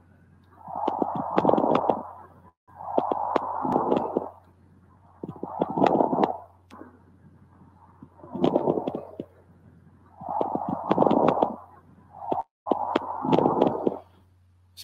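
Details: Coarse crackles, loud popping, crunching clicks through each phase of repeated breath sounds over a low electrical hum, in a respiratory semiology teaching context on pneumonia.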